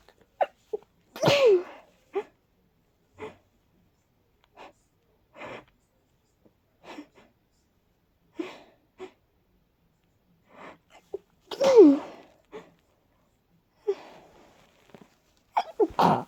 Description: Incredibly fast, almost stuck in a loop sneezes 🤧🤧🤧